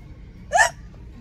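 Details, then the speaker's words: Single sharp, voiced hiccup with a sudden gulping onset while walking around a store, from a person with recurrent hiccups for several years; diaphragm X-rays and a throat scope found nothing. "I've been getting the hiccups consistently for the past several years maybe like five night yes years yes it's like as if it's Tourette Syndrome but the hiccups that makes any sense"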